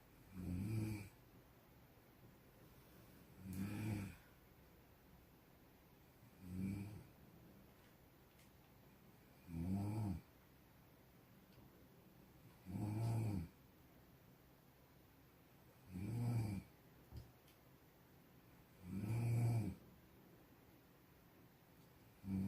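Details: Snoring: loud, low, rumbling snores recurring about every three seconds, roughly 19 a minute, with quiet between them.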